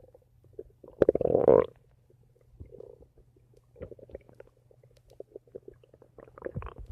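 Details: Person recording their own stomach: a loud gurgling rumble, then softer bubbling and squeaking gurgles over a faint steady hum: borborygmi (bowel sounds).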